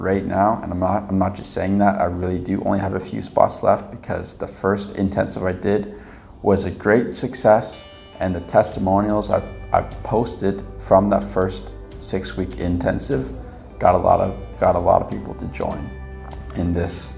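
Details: Mild repetitions in an adult man with lifelong stuttering that still occurs at times; he reports past blocks and current mild repetitions and prolongations.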